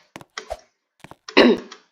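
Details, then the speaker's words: Person with a cough and cold (runny nose) clearing the throat, then one harsh cough burst, while narrating a game video. "Nah, ini guys. Maaf ya, agak batuk sama belek."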